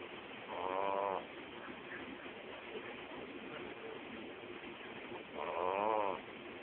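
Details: Pug snoring while asleep: two loud, rough, buzzing snores about five seconds apart, with quiet breathing between them.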